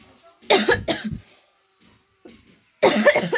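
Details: Woman coughing in a coughing challenge, saying her cough is actually real during the winter season.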